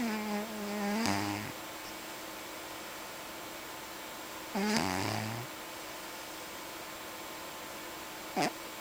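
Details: Pet cat sleeping: two long, droning snores with a low rumble on the in-breath, then a brief third sound; cat snoring.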